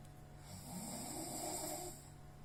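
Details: Heavy snoring during sleep when exhausted: one long, loud, rattling snore on a breath in, with a rough, vibrating tone.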